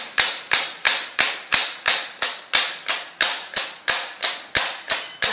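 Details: SW7 shock wave machine demonstrated on a test run after the handpiece head is changed: sharp, even snapping pulses at about 90 per minute, each quickly fading; a shock wave therapy device firing.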